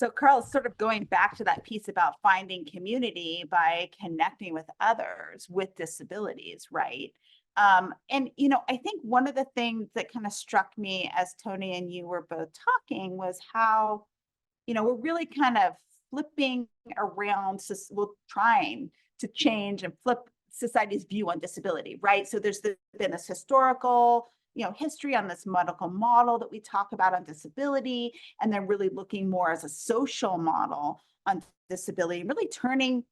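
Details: Adult woman speaking; normal speech.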